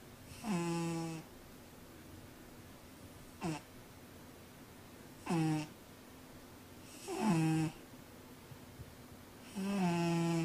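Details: Sleeping cat wearing a cone, possibly dreaming: five rhythmic rasping breath sounds with a buzzing, tonal quality, about every two seconds in a quiet room; snoring.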